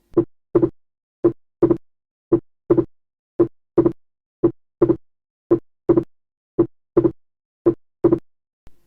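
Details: Heart sounds at about 56 a minute, with the second sound split widely and the same in every beat: wide fixed splitting of S2, as in atrial septal defect.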